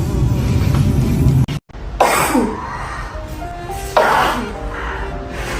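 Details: Chinese girl with allergies, nose sore from blowing: a brief indrawn breath, then two wet, explosive sneezes a couple of seconds apart, with faint music behind.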